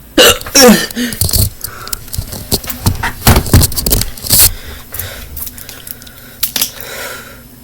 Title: How to get rid of hiccups